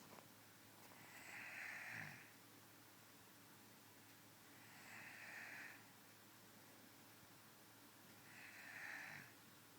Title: Snoring girlfriend